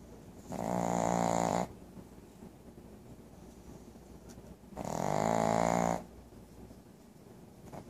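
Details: Two long, rattling snores about four seconds apart, each over a second long, from a sleeping female pug whose snoring is described as very loud; snoring.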